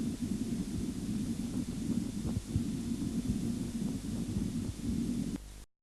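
Faint, regular low thumps over a steady hiss and rumble: Korotkoff sounds heard during cuff blood pressure measurement.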